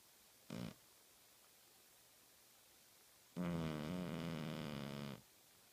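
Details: Sleeping cat snoring and twitching: a brief soft breath, then a long low buzzing, fluttering snore in a quiet room.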